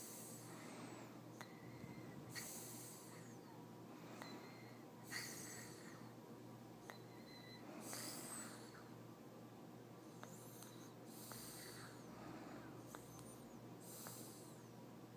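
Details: Toddler napping in the morning after a poor night's sleep makes regular hissing, snorting breaths every 1.5 to 2 seconds, around 35 a minute; toddler snoring.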